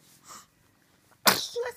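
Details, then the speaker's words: Baby sneezing: a soft inward breath, a pause, then one sharp explosive sneeze with a brief voiced tail. "Did you like that sneeze? Did you like that sneeze? Bless you."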